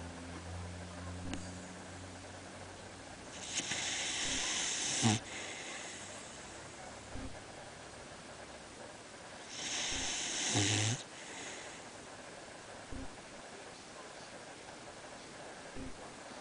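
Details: Basenji dog sleeping: slow, airy, hissing breaths about every six seconds ending in a soft snort; light snoring.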